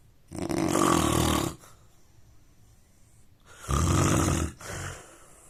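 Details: Indian man snoring during sleep: loud, rough, low rattling snores recurring with each breath, separated by quieter pauses.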